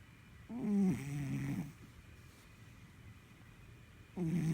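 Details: Two soft, buzzing snores about a second long each, with quiet pauses between, from a sleeping Sphynx cat; cat snoring.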